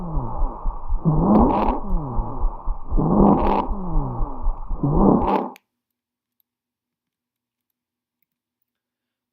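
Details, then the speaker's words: Stridor, a serious late sign of upper airway obstruction that begins inspiratory and progresses to both phases: harsh, high-pitched musical breathing sounds with each breath. "it can be caused by stenosis swelling physical obstruction edema from burns tumors and angioedema from allergic reactions it requires immediate action from both senior medical and nursing staff"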